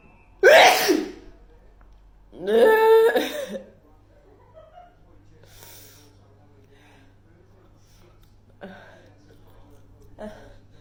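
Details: Hay fever season: two loud, forceful sneezes, each with a sharp explosive release, followed by quiet talk.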